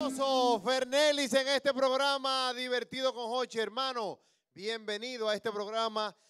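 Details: Adult male speaker; typical speech.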